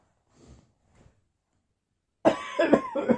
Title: Intermittent Post-Viral Coughing